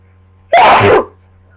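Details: Sneezing in a person with a bad cold and congestion who can't stop sneezing: a single loud, explosive sneeze, about half a second long, in a quiet room.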